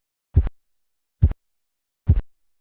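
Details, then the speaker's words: Three soft, low, muffled thumps about 0.9 seconds apart over the brachial artery during manual cuff deflation, with a clear drop in pitch and intensity: Korotkoff sounds, phase 4 (muffling). "la fase 4 va acompañada de un claro ensordecimiento del ruido"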